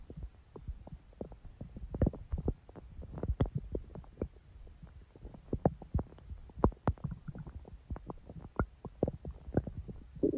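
Continuous low gurgling and rumbling with frequent short pops and bubbling bursts, typical of ordinary stomach growling from gut movement.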